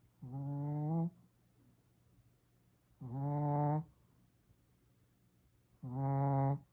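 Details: Shih Tzu snoring loudly: three loud, rough, buzzing snores on the in-breath, about 22 a minute, with quiet out-breaths between.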